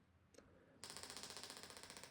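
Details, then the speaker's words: Shockwave therapy for biceps tendinopathy at the anterior shoulder over gel, low bar pressure, 12 Hz, 2,000 shocks, on a model: faint room noise, then a sudden loud train of sharp clicks, about twelve a second. "as you can see with our model here it can be quite a shock when we start up a shock wave machine so it's always really useful to warn your patient how the machine is going to sound"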